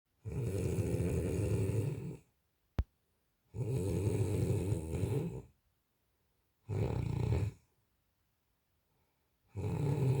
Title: Sleeping snoring feet